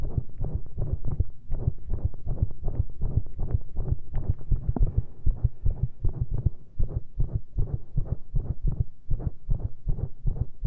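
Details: Heart recorded via lavalier mic and stethoscope after heavy caffeine, pushed to make it irregular: rapid low thumps around 150–160 a minute with uneven spacing between beats.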